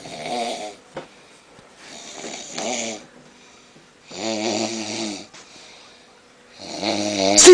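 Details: Sleeping man recorded by a friend at night: loud, rattling breath sounds in slow cycles with a harsh hissing part on each breath and quiet gaps between; heavy snoring.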